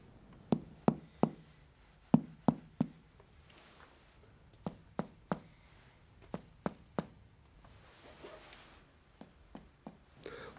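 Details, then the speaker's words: Finger percussion over the abdomen of a supine patient testing for ascites: hollow resonant notes at the top of the abdomen giving way to duller notes toward the flanks; abdominal percussion note. "if ascites is present and the patient has been lying supine then there will be a resonance sound from the top of the abdomen on the recumbent patient and dullness around the flanks"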